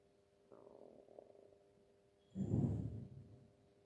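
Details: Stomach growling: a faint squeaky gurgle, then a louder low growl; ordinary borborygmi, normal gut sounds.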